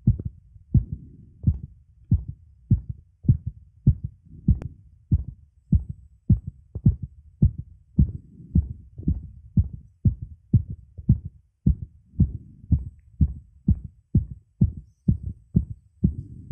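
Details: Fast, regular heartbeat of about 105–110 beats a minute in a male, quickening slightly as he strains (pushes) while arching his back. The rate was already raised before the push because of an earlier attempt: tachycardia during straining.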